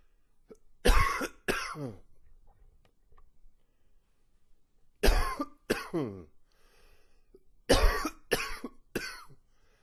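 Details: An old recording of a long, wheezy coughing session with gags: three bursts of deep, rough coughs, two to three each, with quiet pauses between.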